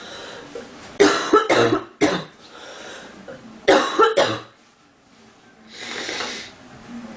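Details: Female with itchy, stuffy nose in cold weather coughing: two clusters of three sharp, dry coughs each, followed by a breathy exhale.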